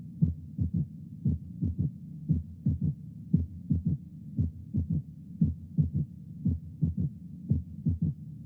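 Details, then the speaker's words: Normal physiological third heart sound (S3) in a child, heard with a stethoscope bell applied lightly: regular heartbeat at about 58 a minute, each beat followed by a soft, low-pitched sound early in diastole. "escuché un tercer ruido normal en un niño con un receptor de campana aplicado suavemente figura 46"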